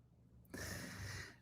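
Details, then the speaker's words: Dog snoring in a small room: after a quiet moment, a single rough, rumbling breath with a low fluttering buzz. "Do you hear the dog snoring?"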